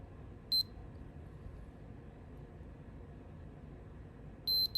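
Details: CareSens N blood glucose meter during a control solution A check: two short high electronic beeps in a quiet room, then a reading of 119, within the 113–153 control range.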